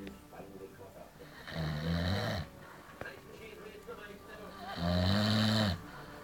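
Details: Loud, low, rattling snores on inhalation, about 18 per minute, with quiet breathing between them; typical heavy snoring.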